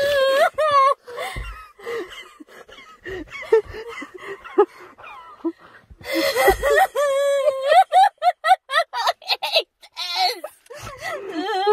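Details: Vocal tics from Tourette syndrome/tic disorder in a person trying medical marijuana for the first time; sounds may also include coughing or gasping.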